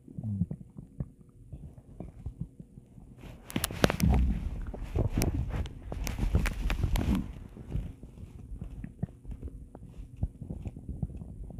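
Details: Deep, irregular stomach growling with gurgling, rumbling and bubbling pops, loudest in the middle; borborygmi.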